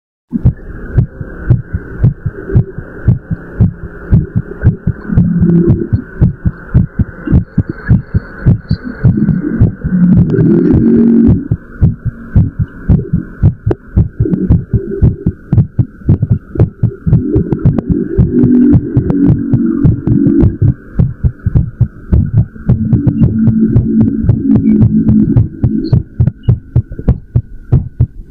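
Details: A fast, strong heartbeat at about 110 beats a minute, recorded after a run: a normally quickened heartbeat after exercise.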